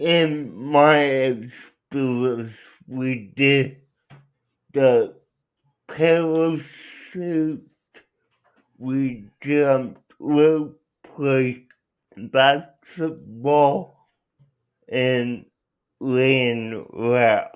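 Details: Adult male speaker; dysarthria (cerebral palsy).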